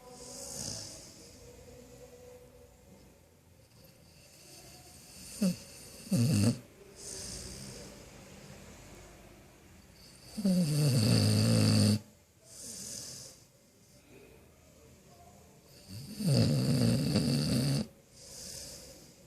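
Loud, low rumbling snores in irregular bursts, about 11 a minute, with quiet breathing between them: a sleeping dog snoring.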